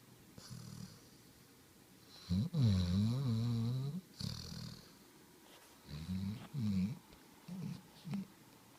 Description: Harper snoring with his tongue out.